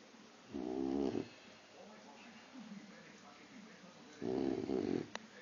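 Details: Sleeping boxer puppy snoring: two rattly, buzzing snores about four seconds apart, with quieter breathing between; snoring.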